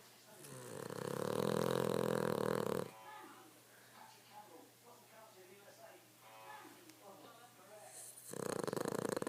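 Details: Cavalier dog Milly snoring loudly while asleep: loud rattling snores at the start and end, with quiet breathing sounds between; snoring.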